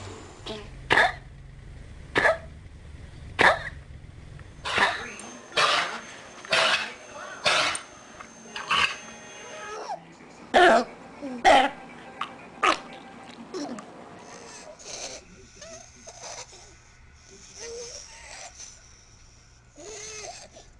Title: Kennel cough in the UK